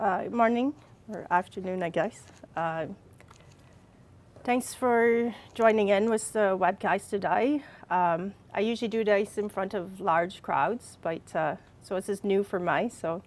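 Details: Adult woman with receptive and expressive aphasia plus apraxia of speech after a brain injury from a fall, speaking more than four years after the injury (aphasia)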